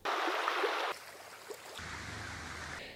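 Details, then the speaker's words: Ocean nature sound, one of three sea sounds with slightly different frequency responses, offered as a hearing-aid tinnitus masker to reduce tinnitus. "यदि हम प्रकृति की ध्वनियों पर ध्यान दें, तो आप देख सकते हैं कि विभिन्न प्रकार की समुद्री ध्वनियाँ हैं। कुल तीन। जिनमें से चुनने के लिए सभी के पास थोड़ी अलग आवृत्ति प्रतिक्रियाएं हैं।"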